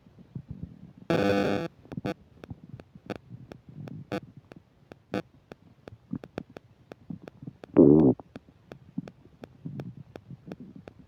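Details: Loud gurgles and squeaky rumbles among sharp clicks, with a musical or electronic sound in the background: stomach rumbling (borborygmi) while eating a burger and fish fries, with upset digestion.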